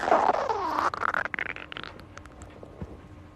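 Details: Girl's stomach growling (borborygmi): drawn-out gurgling growl breaking into rapid bubbling pops, then fading.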